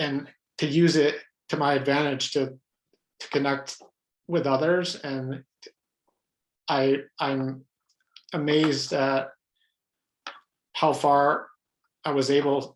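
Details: Adult man with lifelong stuttering, pattern mostly blocks, who reports hundreds of different ways he stutters, speaking spontaneously in a real interview; stuttering.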